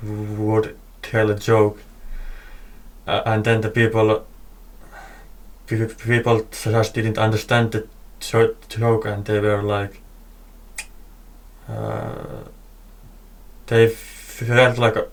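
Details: Male podcast host who stutters; part-word and word repetitions; stuttering.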